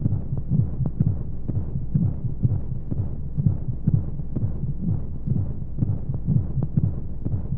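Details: Womb-sound recording for infant sleep: steady low muffled heartbeat thumps at about 125 a minute over a rushing whoosh like inside the womb; heartbeat.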